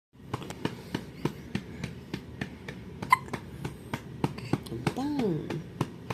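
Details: Baby girl drinking milk; repeated soft, quick hiccup clicks in a quiet room, brief adult voice near the end; infant hiccups during feeding.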